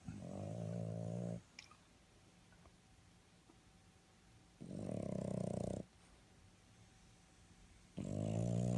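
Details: Sleeping dogs after a 3-mile run and 1-mile skateboard: loud, rumbling, human-like snores about every 3.5 seconds, roughly 17 a minute, with quiet gaps.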